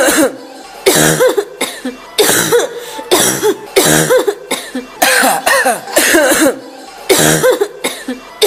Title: woman coughing sound effect